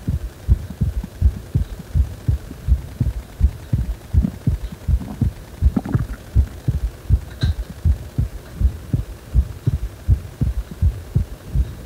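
Steady, regular low thumping heartbeat at about 80 beats a minute over a faint background hum.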